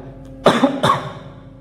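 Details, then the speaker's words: Two quick, dry coughs half a second apart over a faint hum, played as a sample sound for iPhone sound recognition; cough. "この咳の音に気づきましたか?"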